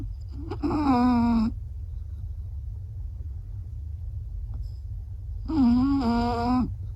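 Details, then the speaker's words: Small pet snoring: two loud, drawn-out, tonal snores about five seconds apart over a steady low room hum. "You've been snoring. Yeah."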